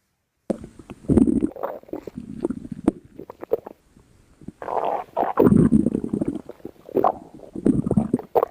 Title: Skinny girl stomach growling and rumbling